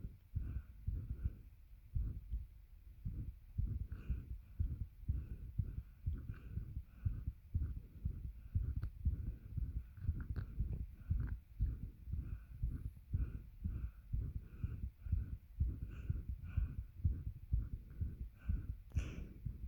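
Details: Heartbeat and heavy breathing recorded with a bed pressing on the chest, making it hard to catch breath; fast, muffled low thumps around 120 a minute, varying in loudness, with breathing noise over a hum.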